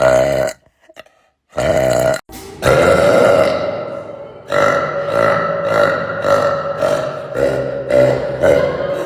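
Several loud, drawn-out belches with a throaty tone, separated by brief gaps; repeated burping.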